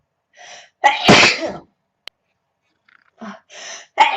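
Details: Girl sneezing: a quick inward breath, one loud explosive sneeze, then soft breaths and small sounds.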